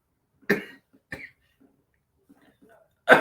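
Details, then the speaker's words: Adult speaker with a hoarse, lost voice coughing mid-talk: three harsh, explosive coughs with a pause between the second and third: coughing fit. "have no mercy. Where was I? That's how they my voice is gone now. I sound like I'm 50 and I smoke 20 a day."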